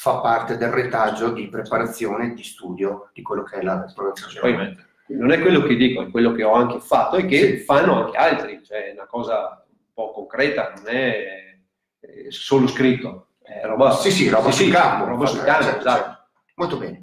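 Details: Adult male speakers, Italian, online conversation; normal speech.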